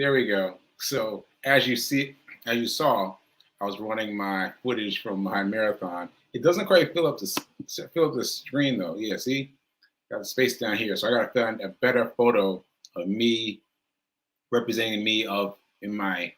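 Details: Aphasia after stroke in an adult male stroke survivor speaking live, with word-finding difficulty.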